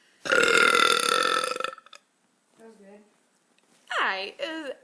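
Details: Woman burping after eating, saying the burps taste like pizza: a long, loud, voiced belch lasting over a second, followed by brief vocal sounds and a second short burp.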